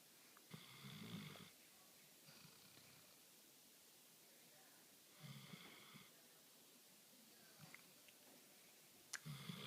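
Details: Soft, irregular snorting snores with quiet gaps in a quiet room from a female dog asleep on a couch; light snoring during sleep.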